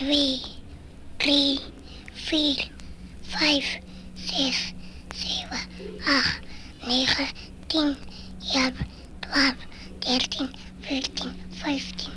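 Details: Child with lipoid proteinosis, vocal cord infiltration preventing speech above a whisper, hoarse from an early age, counting: hoarse whispered voice (lipoid proteinosis)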